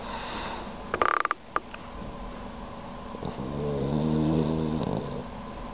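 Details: Sleeping dog snoring with tongue out: low, rattling snore rising on an in-breath after a few sharp clicks near the start; ordinary sleep snoring.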